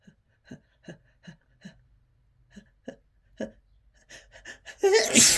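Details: Harsh, desperate sneezing triggered by chhinkni snuff: a rapid run of short gasping inward catches building to a loud harsh sneeze.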